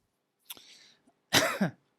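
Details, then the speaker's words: An adult's persistent cough, still present and mostly triggered by speaking, with some coughing also during swimming. "By the way, as you can hear, I'm still coughing."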